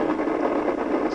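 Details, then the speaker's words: Needle EMG on a Natus Synergy system, recorded from the abductor pollicis brevis using surface EMG signals at maximum effort: a dense, continuous crackling roar forming a full interference pattern, judged absolutely normal. "And now I'm going to the maximum effort. And again, you can see a slow sweep on the left side. And then here are the cascades and so forth."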